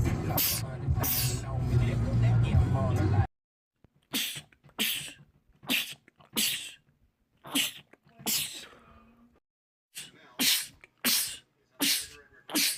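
Loud music and talk, then about ten quick, sharp sneezes in close runs: rapid repeated sneezing.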